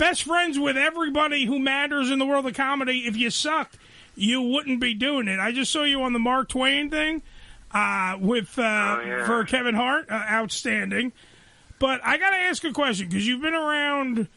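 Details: Adult male speaker; normal speech.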